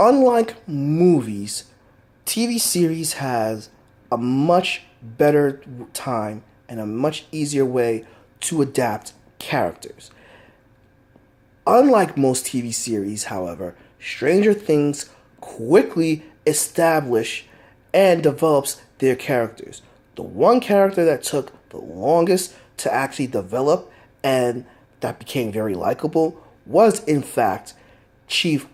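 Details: Stuttering in an adult man who says he has a stutter that is easily heard.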